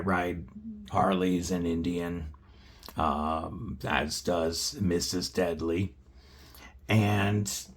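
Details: Adult male, just under 40 at onset, with a paralyzed vocal cord after failed neck surgery with nerve damage and emergency spinal surgeries, spine fused front and back; dysphonia from unilateral vocal cord paralysis.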